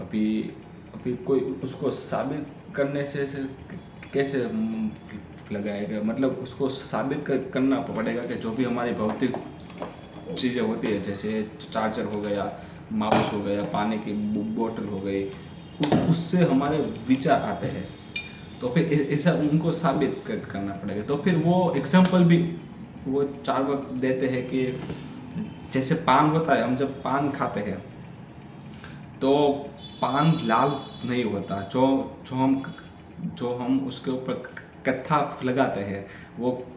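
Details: Adult man with a stammer doing story-telling practice in Hindi on day 6 of a daily stammering practice routine; repetitions and revisions are heard; stuttering.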